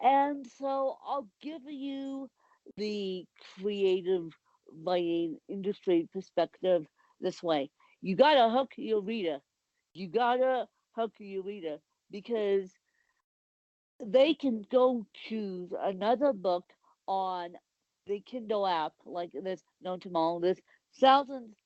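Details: Adult woman with cerebral palsy; the specific speech difference is not named; dysarthric speech in cerebral palsy.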